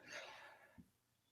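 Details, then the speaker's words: A dog snoring during a live podcast recording; the snoring was at first mistaken for a person. "You guys hear Tesla snoring? Tesla. Oh, I thought that was you. Nope, that's not me. That's your dog."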